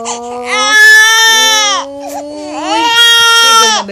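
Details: Infant crying: two long, loud, high-pitched wails separated by a breath, with a faint adult voice soothing underneath.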